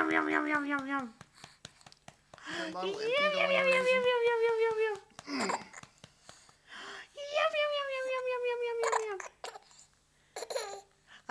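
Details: Infant after a night feeding, with hiccups; several drawn-out whiny cries separated by quiet breaths and small fussy sounds, ordinary fussing infant cry.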